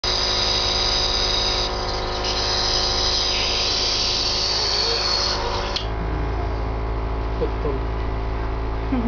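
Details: Steady motor hum and buzz of the person's own compressor nebulizer, used to treat their cough, running with a brief shift in tone midway.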